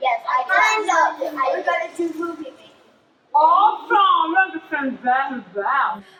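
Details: Child; typical speech.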